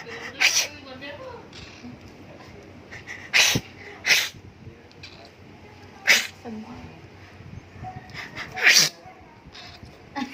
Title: My cat hates it when I sneeze